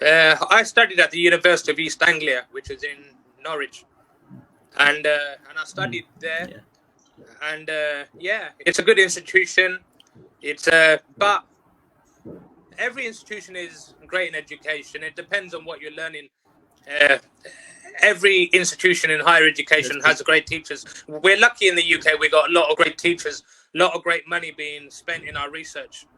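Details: Stuttering in an adult who has stuttered since age four, stuttered on nearly every sentence at school, and now works as a teacher and life coach.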